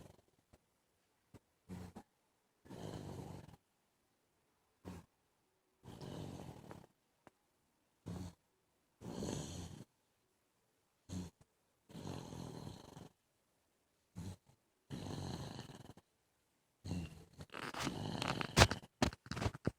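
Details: Irregular noisy breaths in rough bursts, some long and some short, growing louder toward the end, from a baby asleep on a bed: snoring.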